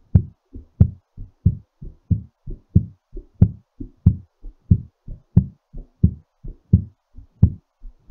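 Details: Normal heartbeat during recovery after exercise: strong, regular lub-dub at about 90 a minute, slowing.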